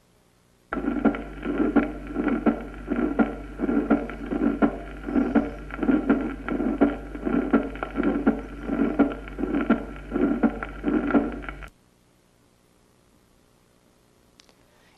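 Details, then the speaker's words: Early (protosystolic) systolic ejection murmur of aortic sclerosis. "el soplo que vamos a oír es un soplo protosistolico"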